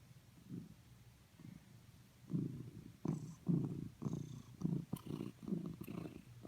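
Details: Snoring: soft, low rumbling breath noises repeating in an irregular rhythm over a quiet room background.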